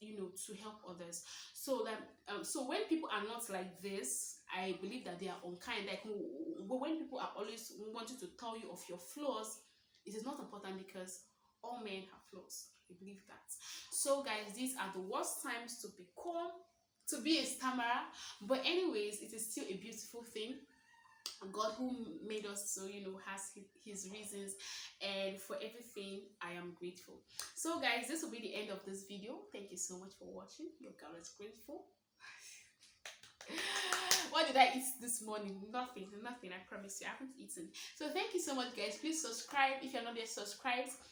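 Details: Stuttering (stammering) in a woman of about 23 who identifies as a stammerer, speaking naturally about her own experiences; real, not acted.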